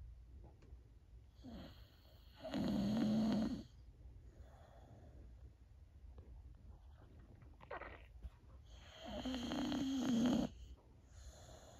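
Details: Old female Boxer dog, feeling a little down, snoring while asleep: two long, rumbling snores several seconds apart with quieter breathing between them.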